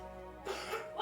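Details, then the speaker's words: Simulated cough by an adult actor in a cold-medicine advert, a short harsh burst of one or two quick expulsions over background music, portraying a persistent cold and cough. "you wrapped up I'm having cough and cold again I'm trying to sleep and see if I will get better"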